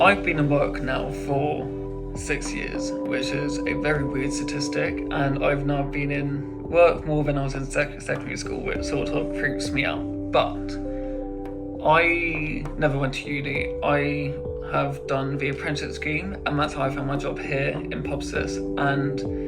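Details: Adult man who stammers and attended speech and language therapy until about age 13; stuttering.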